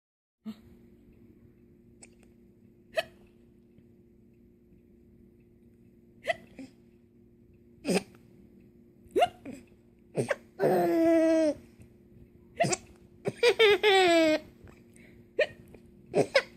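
Repeated brief, abrupt hiccup sounds, about 22 a minute at uneven intervals, mixed with bursts of giggling; a steady hum in the background.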